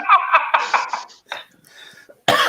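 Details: Adult coughing fit in the background of a live bar show: quick run of voiced cough bursts, pause, then another cough.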